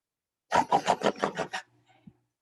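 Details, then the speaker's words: Adult with obstructive sleep apnea heard snoring in sleep: brief harsh fluttering snort of rapid rattling pulses then silence. "these people also have sleep apnea and if you sleep next to somebody this is what it sounds like you hear"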